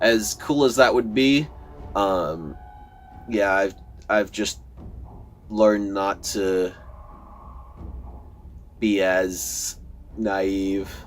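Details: Adult man who says he stutters a lot, giving casual commentary over gameplay; word repetitions are heard. Finding: stuttering.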